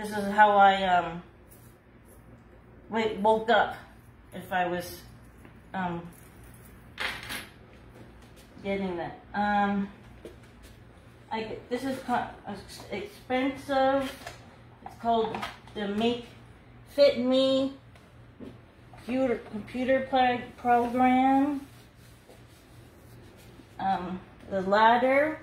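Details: Aphasia after a hemorrhagic stroke in an adult woman nearly two years out, after seven brain surgeries with one more planned; she could not talk at all the year before and is still numb on one side.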